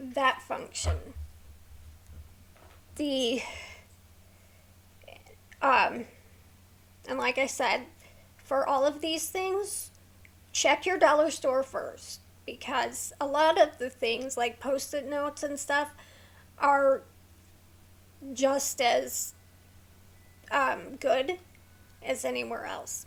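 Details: Vocal tremor in a woman with a neurological condition causing tremor of the hands, voice and head plus mild tardive dyskinesia; she strains to talk, which makes her throat sore.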